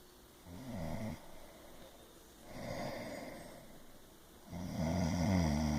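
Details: Snoring: three low, rattling snores on the in-breaths, with quieter breathing between them.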